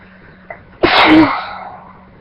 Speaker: guys, I'm gonna sneeze, like usual.